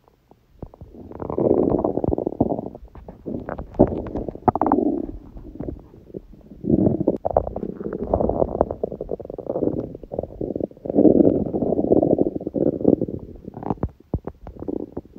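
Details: Hunger bowel sounds (borborygmi): long, low gurgling and rumbling from the belly in several waves; recording also includes sneezing; normal stomach growling.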